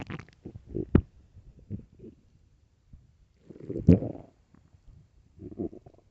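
Low, rumbling gurgles in irregular bursts with quiet gaps: stomach growling from an empty stomach during hunger, a normal finding.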